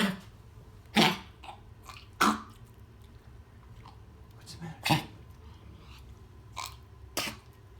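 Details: Dog coughing, second recorded example: five short harsh bursts at irregular intervals over about eight seconds in a quiet room; cough.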